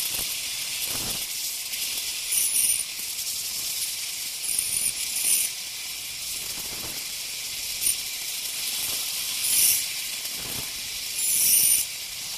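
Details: Ultrasonic piezosurgery unit cutting bone during sinus window osteotomy: steady high-pitched hiss with brief sharper bursts as the tip contacts bone.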